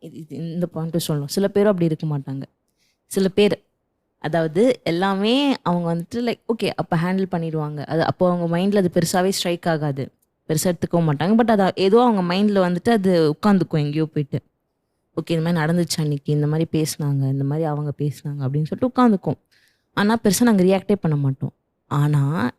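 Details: Adult woman speaking Tamil; Normal speech.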